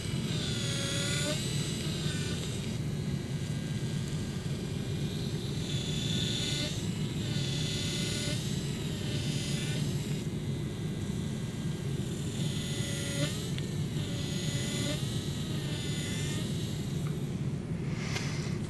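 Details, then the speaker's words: Benchtop demonstration, no patient, of a guided mandibular osteotomy for 2.9 x 12 mm Zest LODI implants through an Anatomage surgical guide. A 1.2 mm pilot drill at 1200–1500 RPM pumps up and down with a steady high whine shifting in pitch. "I'm going to begin my osteotomy my drill spinning at 1200-1500 RPM's outside the surgical drill outside of the guide and drill down until I have drilled down all the way pumping up and down"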